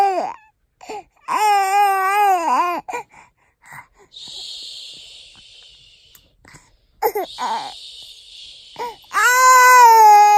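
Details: An infant cries while settling to sleep: sustained wailing cries with brief breaks and a new kind of sound while fussing.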